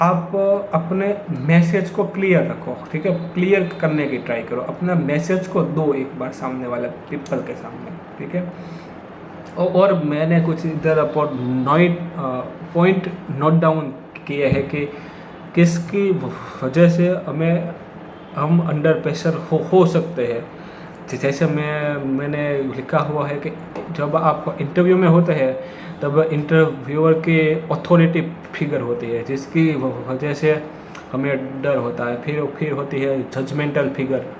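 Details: Male host whose own stammering is implied but not stated; stuttering.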